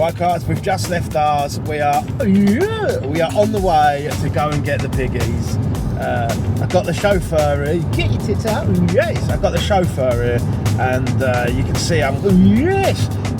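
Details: Adult man with Tourette syndrome who says he tics more when excited; involuntary swearing vocal tic; Tourette syndrome vocal tic (coprolalia).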